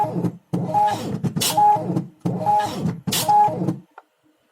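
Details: Open-source low-cost emergency ventilator built around a BVM (Ambu bag), belt-driven by a motor, intended for COVID-19 patients, not yet hospital-tested: repeating motor whir and mechanical clatter in cycles about every 1.5 seconds.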